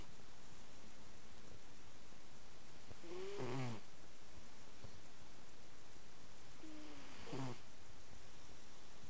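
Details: Cat snoring while asleep; snoring.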